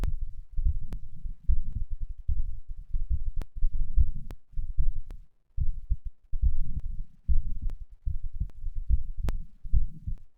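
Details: Heart sounds recorded after exercise, the third such recording: strong, low thumping heartbeats at about 74 a minute with occasional clicks and rubbing noise.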